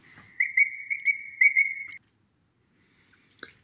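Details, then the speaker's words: Natural bird sound used in place of a pure tone at one frequency in an interactive public-space hearing test design: a short, high, steady chirping whistle like birdsong. "for each frequency we replace the sound stimuli with the natural bird sounds to create a pleasant user experiences here's an example sound"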